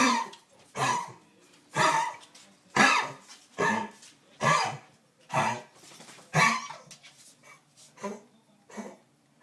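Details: Dog coughing in a run of about ten harsh, dry bursts, roughly one a second, with brief pauses between; a repetitive cough.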